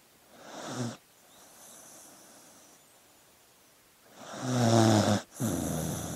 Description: One hour of sleeping dog noises.